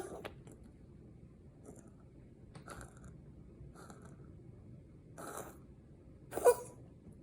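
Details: Rescued rabbit with an unresolved, not-yet-diagnosed breathing problem: faint, rough whistling wheezy breath noises recurring about once a second.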